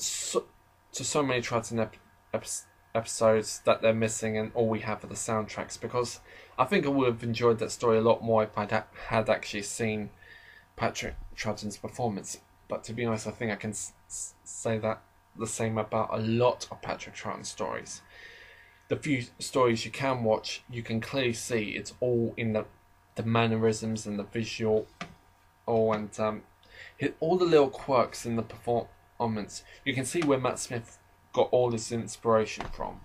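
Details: Adult man who describes himself as slightly stammering, heard in natural conversational speech with part-word and word repetitions; mild stuttering.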